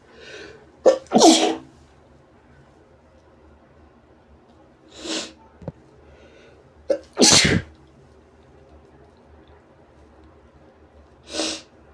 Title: Sneezes & Noseblows